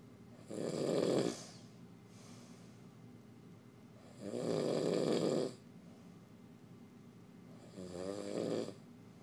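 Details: Snoring in the dark when tired: three loud rattling inspiratory snores about four seconds apart, roughly 15 breaths a minute, with quiet room noise between.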